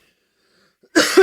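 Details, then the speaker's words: Single short, harsh adult cough bursting out after about a second of silence, with a quick second push at the end. "[cough] Excuse [clears throat] me. Okay. See, you like my coughing. I know you do."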